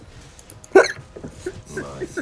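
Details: A single sharp, abrupt voiced catch against quiet room sounds and faint talk, a hiccup.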